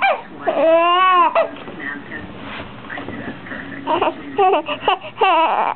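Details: Baby crying with rising and falling cries mixed with fussy babbling, a television playing in the background; ordinary infant crying.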